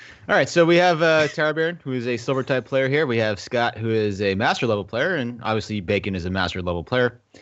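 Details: Adult male speaker; Normal speech.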